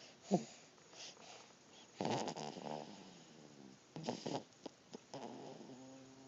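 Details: Soft, uneven snoring with brief snorts between quiet stretches in a quiet room; snoring.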